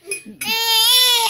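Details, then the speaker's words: Infant cry from a 6-month-old baby filmed while crying: a short whimper rising into a loud, sustained, clear-toned wail as the person filming tries to soothe. "Hindi kasi gusto ni Mami Lun yung kuhanan ko daw pag umiiyak siya."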